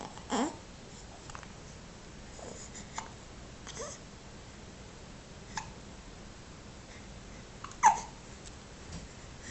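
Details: Hiccups: several brief, sharp catches spaced a few seconds apart in a quiet room.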